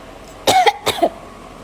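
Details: Two short, sharp cough bursts in close succession, coughing and sneezing set off by the smell of cooking nearby.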